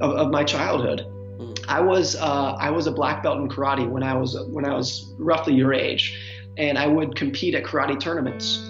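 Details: Stuttering in an adult man described as a chronic stutterer, who reports stuttering much less than he used to.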